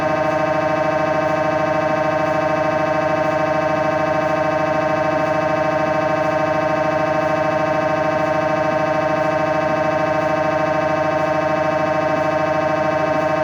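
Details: Live recording from inside the MRI room during scanning: loud, steady droning buzz with rapid regular pulsing, about 200 per minute; MRI scanner noise.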